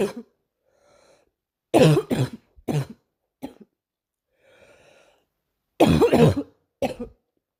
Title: Girl coughing 254